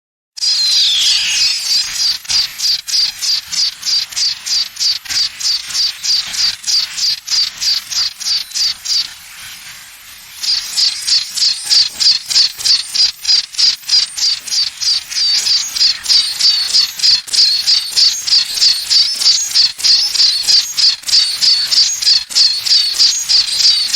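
Simulated tinnitus: a shrill, high-pitched pulsing ringing, about three pulses a second, with a brief pause midway.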